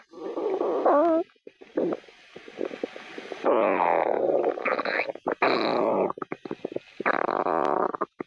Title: My stomach growling while in a shelly cosplay outfit